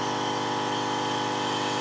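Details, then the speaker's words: EMS training demonstration on a person wearing a mask: a CPAP unit switched on with an in-line nebulized breathing treatment already running, under 5 cm H2O rather than full therapy, giving a continuous whooshing hum and hiss. "all right so the breathing treatment's running we're going to go ahead and kick on the uh the CPAP part of it"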